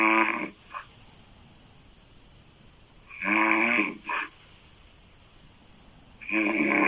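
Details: Female loud open-mouth snoring: loud, rough, buzzing snores on the in-breath, each followed by a short snort, about three in seven seconds.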